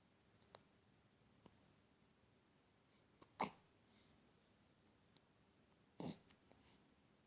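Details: Short, sharp hiccup sounds, two louder ones and several faint ones, in a quiet room: hiccups.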